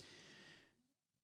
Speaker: so I don't know if you can hear the dog snoring but I'm gonna poke him